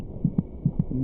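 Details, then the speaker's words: Fetal heartbeat at about 26 weeks of pregnancy over a steady monitor hum: rapid, soft paired thumps about 145 a minute, roughly twice the mother's rate; described as quite loud. "It's quite loud. The fetus's heart beats about twice as fast as the mother's."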